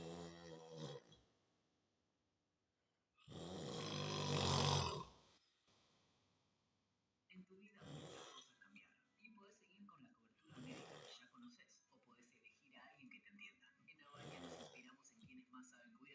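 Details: Heavy adult snoring: a few loud, rough snoring bursts separated by pauses, then softer noisy breaths.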